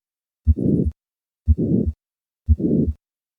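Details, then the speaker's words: Hypertrophic cardiomyopathy murmur recorded at the fourth left intercostal space, a high-pitched crescendo-decrescendo midsystolic murmur heard first with the patient standing and then squatting, where squatting decreases the obstruction and the murmur; dynamic hypertrophic cardiomyopathy systolic ejection murmur. "notice the change in the murmur of hypertrophic cardiomyopathy with a squat maneuver I will begin with a standing position"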